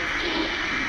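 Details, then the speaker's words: Transcranial Doppler in a patient with right carotid stenosis: harsh, continuous "tuck tuck" rushing noise from turbulent flow through a patent anterior communicating artery, signal not enveloped; ACA velocities around 150–160, about double the MCA's. "The tuck tuck tuck tuck noise which you are hearing is of the ACOM."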